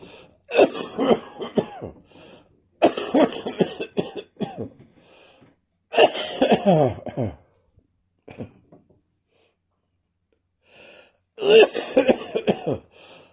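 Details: An adult's cough continuing after a viral illness: repeated harsh coughing bouts; post-viral cough.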